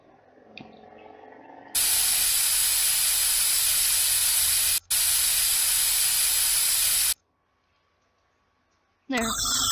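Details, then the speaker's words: Loud steady hiss of dental water spray and suction running for several seconds with a brief break, then silence, rinsing teeth while bonding braces brackets after a lip guard is placed. "let's rinse off the teeth can you spray them with water I run the suction to remove the water"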